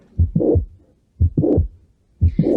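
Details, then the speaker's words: Mitral valve prolapse: heartbeat near 58 a minute, each first sound followed by a sharp mid-systolic click and a crescendo-decrescendo systolic murmur. "aquí donde está la rayita verde pues ahí es donde se ve se escucha el chasquido y después tenemos el bloque creciente decreciente"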